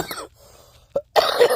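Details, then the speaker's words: Adult with frequent recent coughing who has been prescribed cough medicine: two or three short, harsh cough bursts separated by brief pauses. "because I've been coughing a lot lately and so sorry about that"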